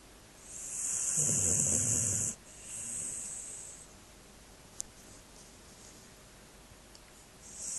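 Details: Snoring in a sleeping dog: a loud, hissing, rattling breath sound, then a softer one.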